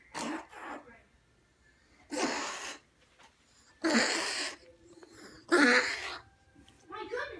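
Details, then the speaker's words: A small animal named Tinky, said to have a cold, gives several short, harsh coughing bursts. "Tinky, okay? Tinky's got a cold. You got a cold."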